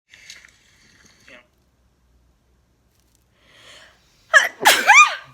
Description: dyed my hair kinda pinkish, it made me sneeze a lot.